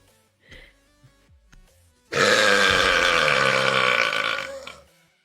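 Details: A single loud, drawn-out belch lasting about three seconds with a rough, rumbling tone; burping, with faint background noises before it.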